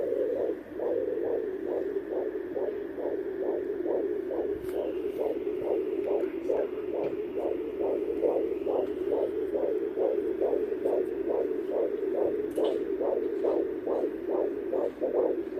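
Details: First-trimester fetal heartbeat heard at home on a fetal Doppler: rapid, steady whooshing pulses at about 140 per minute, a normal rate.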